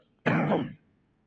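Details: One harsh, throaty cough or forceful throat clear, about half a second, from an adult politician while speaking; he is reportedly under medication and then asks for water; cough.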